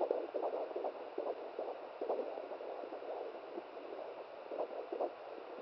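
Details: Fast, soft whooshing pulses, about 140 a minute, under steady hiss; fetal heartbeat at 17 weeks of pregnancy on a home fetal Doppler held by the mother; baby moving, rate may dip or be lost.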